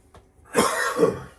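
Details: One harsh, noisy cough of two quick bursts from an adult man recovering from a cold or flu. He still has almost no voice, took cold and flu medicine and ibuprofen, and was given a prednisone steroid shot.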